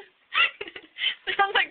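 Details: Adult with unusual hiccups likened to a frog or chicken: a series of short, voiced, croaking bursts, some in quick clusters.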